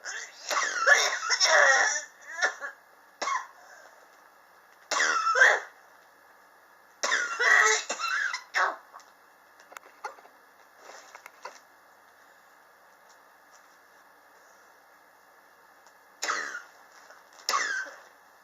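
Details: Chronic cough since summer 2016, still present in 2019, not relieved by medicine or home remedies; patient blames building temperature swings in a high-rise. Repeated bouts of harsh dry coughing in quick clusters separated by quiet pauses.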